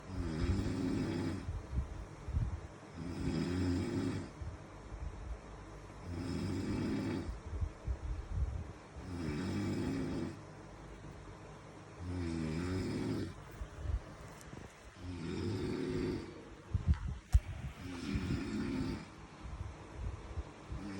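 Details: Person snoring in sleep: low rumbling snores about 20 times a minute with quiet gaps between.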